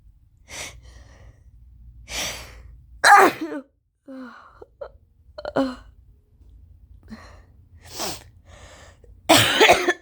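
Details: Run of 5-6 forceful sneezes with sharp inhaled catches, persistent since weekly equine therapy at a ranch; family suspects an allergy there; doctor prescribed a new allergy medication just started.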